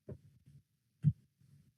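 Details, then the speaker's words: Mitral stenosis auscultation, heart about 63 a minute: first and second sounds, then a low-pitched rumbling mid-to-late diastolic murmur that never coincides with the pulse. Mitral stenosis murmur. "Si es diastólico, como en este caso, no coincidirá con el pulso jamás. Primer dato. Tenemos primer y segundo ruido. El fenómeno auscultatorio es diastólico."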